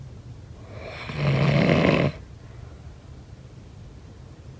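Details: Snoring during sleep: one loud, rough, rattling inhaled snore, then quiet breathing with room noise.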